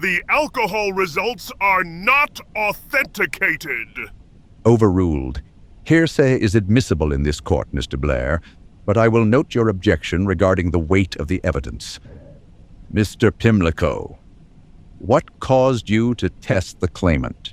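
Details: Adult speakers, acted courtroom dialogue; normal speech.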